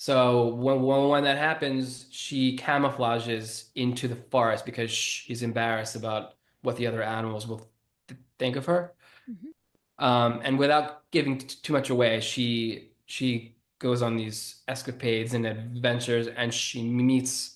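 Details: Adult man who has stuttered since childhood, bullied for it from age six or seven until high school, and still stutters; word and part-word repetitions; stuttering.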